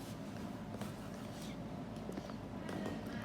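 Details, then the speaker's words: Fetal heart rate on Doppler during labour in a simulated skills-lab normal-delivery demonstration, checked after a uterine contraction eases with the cervix fully dilated: rapid, galloping whooshing fetal heartbeat pulses. "Setelah itu kita akan periksa denyut jantung janin. Setelah kontraksi uterusnya mereda untuk memastikan DDJJ itu masih dalam batas normal."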